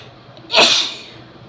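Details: Woman with a head cold giving one strong, wet sneeze: a loud, hissing sneeze that bursts out and fades quickly.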